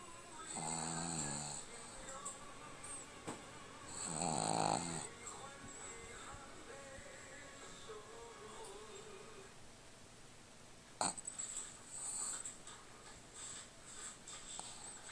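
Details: Ordinary snoring in a woman, so loud she seems noisy even asleep: a few loud, rumbling snores with quieter breathing between, over background music and faint talk.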